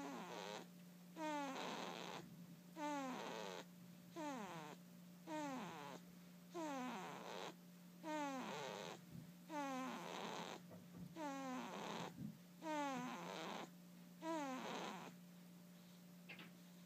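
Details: Regular rasping snores from a sleeping cat named Noah, about 40 a minute over a steady background hum; snoring.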